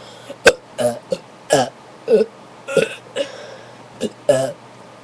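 About nine short, throaty voiced bursts over five seconds, a run of small belches, with a quiet room in the background.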